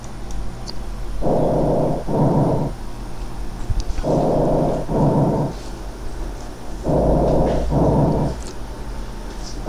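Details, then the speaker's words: Harsh breathing from turbulent flow through congested, rough medium or small airways, heard over apices, mid-lung hilar region and bases, where it is abnormal: rough, grainy noise on inhalation and exhalation, about 21 breaths a minute. "entonces se puede generar nuevamente turbulencia y a eso le llamamos respiración ruda que la percibimos en los ápex en la región pulmonar media"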